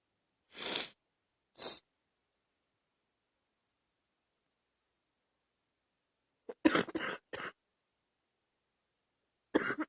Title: #39 a lil chesty cough